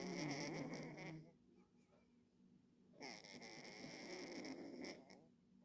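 Two soft, rough breathing sounds separated by a quiet pause from a sleeping cat: gentle snoring.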